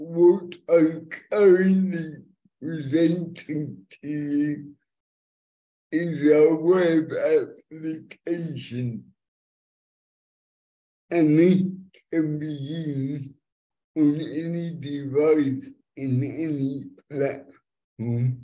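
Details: Young multilingual woman with cerebral palsy since birth affecting her speech, who uses a speech-recognition app to communicate; finding: dysarthria due to cerebral palsy.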